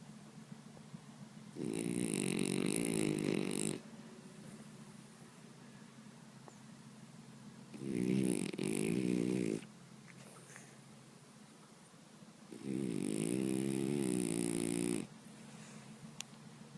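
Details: French bulldog, flat-faced, asleep: three long, loud, vibrating snores about every five seconds, roughly 12 breaths a minute; noisy snoring.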